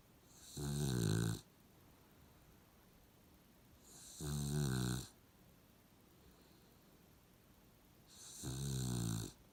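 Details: Sleeping Puggle dog with three loud, rattling inhaled snores about four seconds apart, roughly 16 a minute, with quiet between; snoring.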